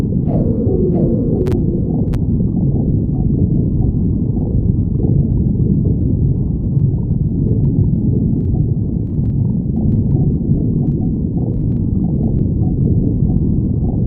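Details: Continuous low, gurgling rumble of a stomach growling: ordinary bowel sounds (borborygmi) from gas and fluid moving.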